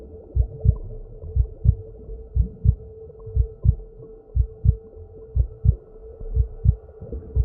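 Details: Relaxing recording of a normal heartbeat as heard in the womb: muffled, steady paired heart thumps at about 60 beats a minute over a low hum.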